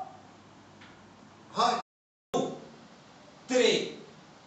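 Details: Male patient counting one to ten after a puberphonia procedure, with the doctor judging the voice normal; normal male speaking voice after puberphonia treatment.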